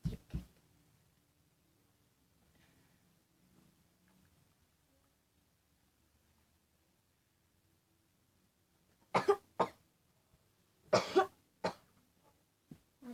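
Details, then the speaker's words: Several forced, separate coughs after a quiet stretch, acted as a prank in which the cougher pretends to be coughing up blood to fool an older sibling; not a real illness. "Hai guys, aku mau prank kakak aku nih. Aku mau prank batuk berdarah."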